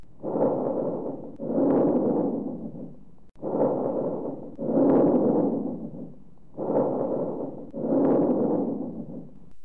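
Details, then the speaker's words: Teaching recording of three even breath cycles of medium-pitched airflow, inspiration and expiration similar in length, intermediate between vesicular and bronchial: bronchovesicular breath sounds. "Songs have characteristics intermediate between the way सिक्यूलर and brown की Albrecht songs"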